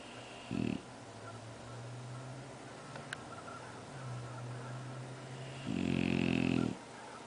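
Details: Bulldog snoring during sleep: two loud, rough snores about five seconds apart over a quieter, steady, low breathing rumble; snoring.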